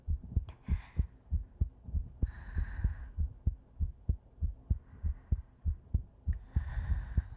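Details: Woman's chest, sleep-aid ASMR recording: steady, regular low heartbeat thumps at about 97 a minute with soft breathing in the background; normal heartbeat.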